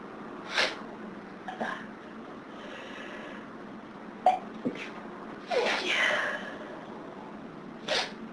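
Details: Sneezing on a heavy hay fever day: a run of about five sharp sneezes with short breaths between them, one of repeated sneezing fits.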